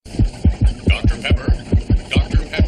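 Regular deep lub-dub heart sounds at a quick pace, about 140 beats a minute, a faster-than-normal heartbeat.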